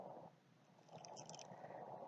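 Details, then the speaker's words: Example sound in a talk on post-COVID cough and breathlessness: soft breath sound with brief fine crackling pops, described as inflammation of the small alveoli; fine crackles. "这个是细小的肺泡发炎的声音，这是上呼吸道阻塞的一个喘鸣声，这个是气管有窄小的声音，这是肺泡有发炎异常的声音，"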